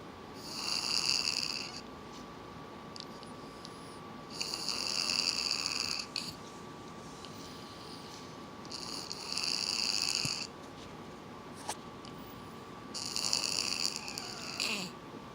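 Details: Loud, harsh, whistling snores on each breath, about four in fifteen seconds, over a steady room hum; effortful snoring, as if struggling to breathe; noisy snoring.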